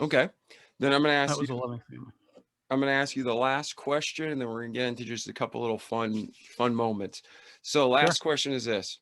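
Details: Adult man speaking; typical speech.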